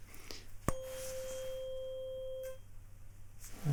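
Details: Tuning fork for a Rinne hearing test behind the ear, normal response: a sharp strike, then a steady pure hum fading after about two seconds, in a simulated ASMR roleplay cranial nerve exam.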